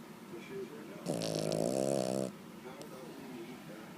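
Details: Snoring: one loud, buzzing, vibrating snore lasting about a second, with soft breathing noise around it.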